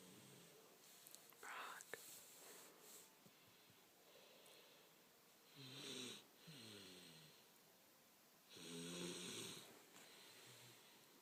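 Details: Quiet, soft snores about every three seconds with a slight whistling edge, against low room noise and a few small knocks; snoring.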